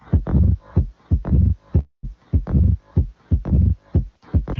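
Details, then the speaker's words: Heart sound recording from a dataset used to train a heart-disease classifier: heartbeat near 60 a minute, each sharp first sound followed by a harsh, filling whoosh; aortic stenosis murmur. "This is aortic stenosis, sound of aortic stenosis disease."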